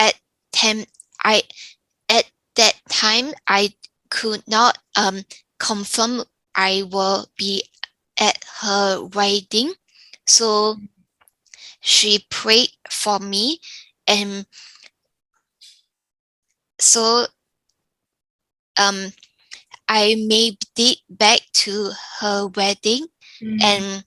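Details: Younger adult woman with aphasia after a stroke from a brain AVM; pauses, fillers and grammatical errors; aphasia.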